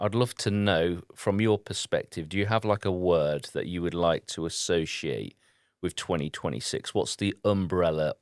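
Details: Adult man; typical speech.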